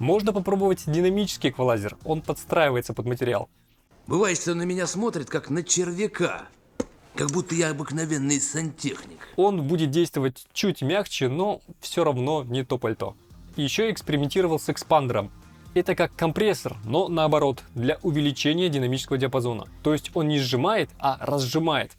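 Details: Adult male speaker; normal speech.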